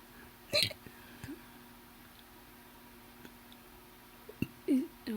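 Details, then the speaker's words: Hiccups described as deep and powerful: two abrupt, sharp gulping hiccups about four seconds apart, each a brief voiced catch in the throat, against quiet room noise. "That was a weird hiccup. Oh, I wonder if you guys can hear how deep they are and stuff."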